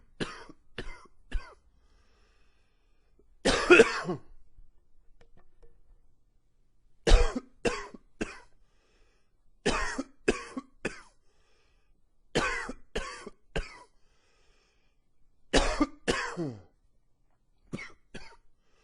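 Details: Repeated bouts of two to four harsh coughs, about eighteen in all, with a faint wheeze after some; extended coughing fits with slight gagging, attributed to allergies triggered by cooler fall weather.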